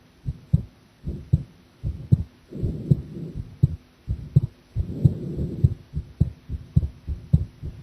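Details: Steady paired heart thumps at about 95 beats a minute, with two brief bursts of rustling noise, recorded while drinking coffee during a live heart-sound stream; the person felt the heartbeat seemed unstable.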